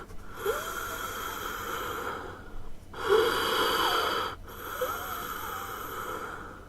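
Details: Sound-effect recording of heavy, noisy breaths with a steady whistling tone running through them, consistent with wheezing.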